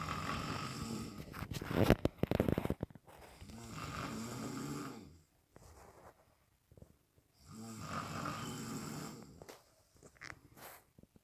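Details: Loud, rough, low rumbling snores with each breath, about three in eleven seconds, separated by quiet pauses: snoring during sleep.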